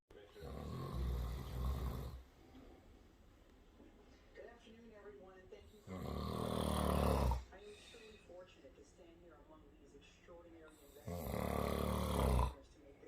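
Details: Husband snoring while asleep: three loud, rattling, low-pitched snores several seconds apart, with quiet talk in the room between them; snoring during sleep.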